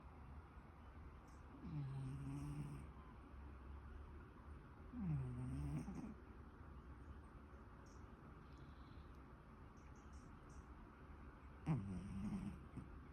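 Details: Sleeping pet cat snoring: quiet, low rumbling snores with soft nasal sounds over a steady background hum.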